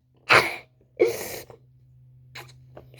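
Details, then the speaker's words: A cat is made to sneeze by a toothbrush. Two sharp, explosive sneezes come in quick succession, followed by soft snuffles. "This is a really short video. I'm just showing you how much my cat can sneeze from my thing."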